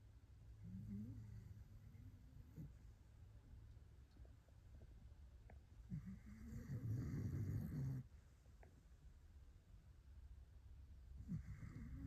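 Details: Sleeping dog snoring; low rumbling snores at irregular intervals over steady room noise.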